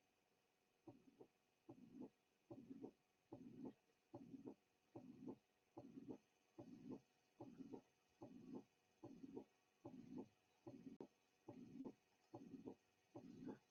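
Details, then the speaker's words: High-frequency pansystolic murmur recorded from a real patient with mitral regurgitation. "The next example will demonstrate the actual sounds from a patient with mitral regurgitation. In this example, note the rather high frequency of the murmur, a characteristic commonly encountered in this condition."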